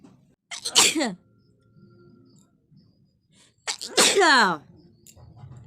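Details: Sneezing: two loud voiced sneezes, each with a quick in-breath and a falling 'achoo' cry, in a quiet room.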